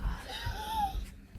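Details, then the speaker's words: 2-year-old boy with asthma living in a damp, mouldy home: a single high, musical whistle that rises and falls over one breath, audible up close, wheezing; his doctor says the mould may have caused it. "When you get close to 2-year-old, you can hear him wheezing."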